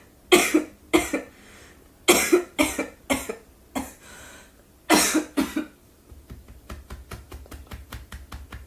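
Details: Girl coughing, worried her voice won't recover in time: about eight harsh, dry cough bursts, some in pairs, followed by a run of quick faint clicks.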